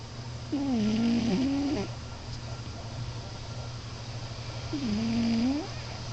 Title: Alex (Moo) cat snoring!